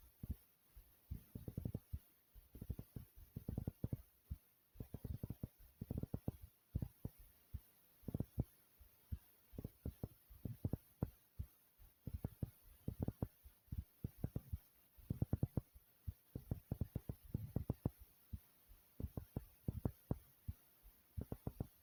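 Strong, deep heart thumps repeat steadily throughout, a forceful pounding heartbeat heard close to the chest.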